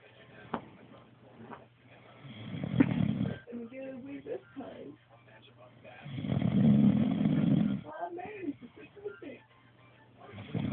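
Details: Person snoring loudly "like a drill" during sleep: two loud, rough, rattling snores several seconds apart with quieter breathing between.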